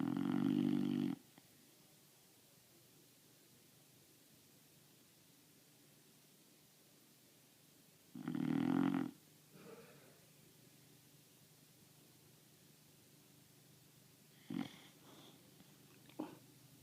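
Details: Boxer puppy snoring loudly: loud rattling snores roughly every eight seconds, with soft snuffles between, in a quiet room.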